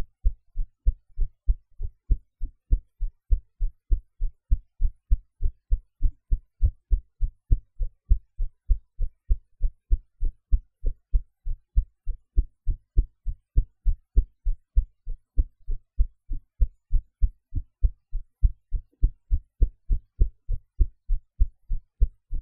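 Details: Own heartbeat recorded after eating, in a different posture from usual, edited to cut noise: steady regular lub-dub about 100 beats a minute with clean low thumps; normal heart sounds.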